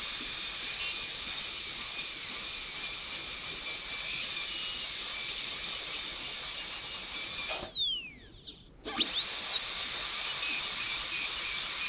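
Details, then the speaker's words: High-speed dental handpiece cutting dry on a typodont tooth #18 during a gold onlay preparation; water spray would be used clinically. The bur is extended for the functional cusp bevel: a steady whine dipping under load, briefly stopping and spinning back up. "it's a nice burr to use at this stage because it cuts very cool normally we'd be using lots of water if this was a clinical situation put on type it on teeth that can get a little messy and it's also hard to see"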